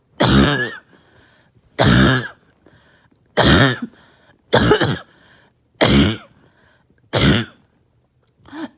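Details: Harsh barking cough, seven loud barks in a steady run about one every 1.3 seconds with quiet breaths between, in a person who says there was less chest pain this episode and was on medication.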